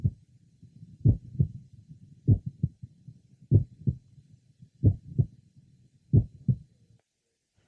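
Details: 22-year-old man with familial mitral valve prolapse, at the apex and left lower sternal border: slow regular heart sounds with a mid-systolic click introducing a late systolic murmur.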